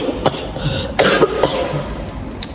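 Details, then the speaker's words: Adult feeling unwell with cough and headache, waiting alone in a UK NHS A&E waiting area early in the morning: a few short coughs over steady room noise. "Pardon me. So I also have cough as well and some headache."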